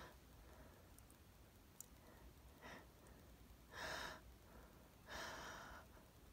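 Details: Allergy sneezes sprayed onto a mirror, part of a 17-sneeze run: two soft, breathy sneezes against quiet room noise.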